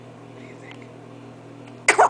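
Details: Sneeze from a two-week-old baby boy: quiet room hum, then a single sudden explosive burst near the end.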